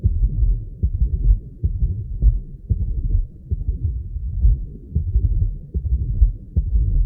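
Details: Patient with atrial fibrillation and double mitral lesion: irregularly irregular heartbeats near 75 per minute with a low rumbling murmur filling the gaps between beats, mitral stenosis and regurgitation with atrial fibrillation.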